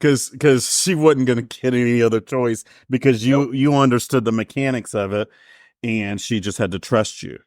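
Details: Adult man speaking; typical speech.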